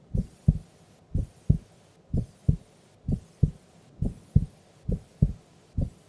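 Steady paired lub-dub heartbeats at about 64 a minute, clear and regular. Normal resting heart sounds.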